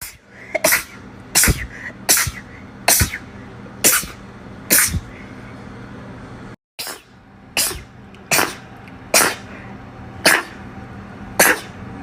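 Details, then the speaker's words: A run of about twelve quick, sharp sneezes, one every second or so, with faint room hum behind; rapid repeated sneezing. "watch me sneeze for three minutes straight"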